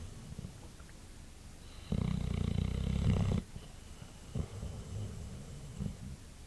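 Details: White boxer dog, a short-nosed breed, asleep after a long day: a loud, rattling, low-pitched snoring breath lasting over a second, then softer breathing noises in a small room.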